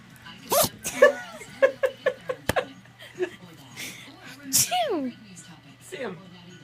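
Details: A dog imitating a person's sneezing: sudden sharp sneeze bursts with quick breathy catches between them, over talk and background music; sneezing.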